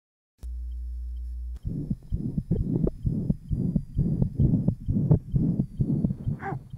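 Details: 1955 Johns Hopkins heart sound laboratory recording of interventricular septal defect, possible persistent ductus arteriosus: brief tone, then rapid heartbeats near 130 per minute with a harsh murmur filling each cycle, recorded alongside EKG and respiration.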